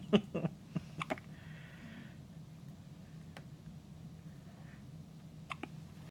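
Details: Short, sharp, repeated hiccup sounds in clusters with a quiet room hum between them: ordinary hiccups.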